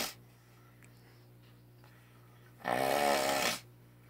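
One loud, harsh, rattling snore lasting about a second over a quiet, steady room hum.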